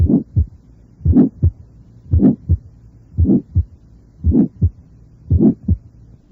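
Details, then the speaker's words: Innocent systolic murmur with its lowest frequencies filtered out, so it sounds higher-pitched and can mimic mitral regurgitation; it has a vibratory timbre, is best heard with the bell, and is loudest at the mesocardial area and left sternal border. "de estos soplos inocentes tienen un timbre vibratorio muy característico"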